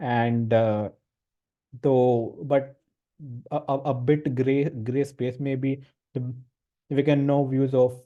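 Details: Stuttering (stammering) in a male participant in a stammering support group course, with word and syllable repetitions.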